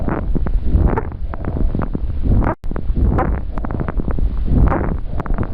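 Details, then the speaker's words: Recorded lung squawk: noisy breath sounds with brief, high, squeaky chirps, an infrequent sound seen in hypersensitivity pneumonitis or bronchiolitis. "o grasnido também pode surgir em processos inflamatórios bronquiolares genericamente chamados de bronquiolite"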